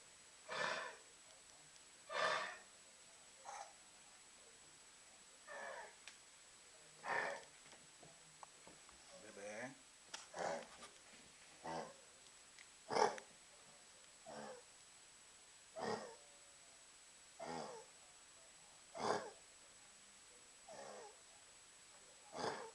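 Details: Dog with kennel cough gives repeated harsh, honking coughs.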